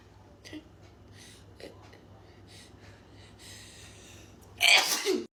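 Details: 25-year-old woman during a run of repeated sneezes: quiet breathing and faint sounds, then a single loud sneeze at the end.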